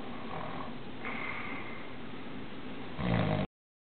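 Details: Very loud snoring from a person asleep in a shared hotel room: a low rough snorting noise over steady background hiss, with a louder snort near the end.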